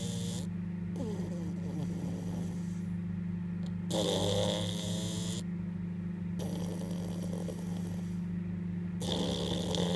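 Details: Beagle dog snoring in sleep: rhythmic rattling snores with a low steady hum in the background.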